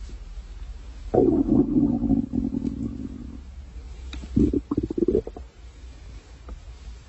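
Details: Stomach growling (borborygmi): two low, gurgling, rumbling growls, the second broken into bubbly bursts; ordinary gut noise.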